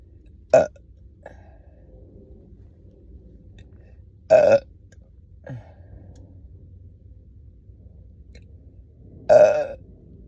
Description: I chugged a soda after not eating all day, so it’s a full video full of bloated burps and hunger gurgles every so often, especially the kind that you hear riiiiiight before a burp comes up 😵‍💫 #stomachgrowling #burping